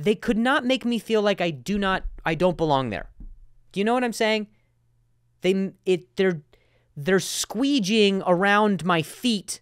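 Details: Adult male comedian who says he has stuttered for a long time and sometimes still does; stuttering.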